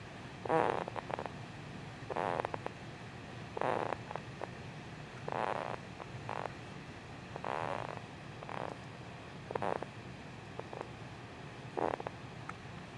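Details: Snoring while in a SleepyWrap: soft rhythmic snores every one and a half to two seconds, roughly 30 to 35 breaths a minute, with quiet room noise.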